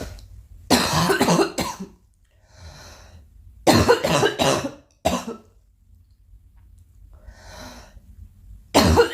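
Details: Girl coughing repeatedly, mixed with throat clearing, snorts, sighs and gasps.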